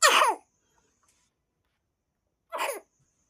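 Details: Son with a bad cough: two short voiced coughs about two seconds apart in a quiet room.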